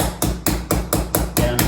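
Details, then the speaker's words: Seven sharp, evenly spaced mallet knocks, about four per second, tapping a suture anchor down to tighten the tendon during a simulated keyhole rotator cuff repair demonstration on a model. "so you can see as i'm tapping this anchor down it's actually really tightening the tendon"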